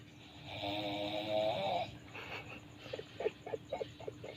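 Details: Snoring during sleep.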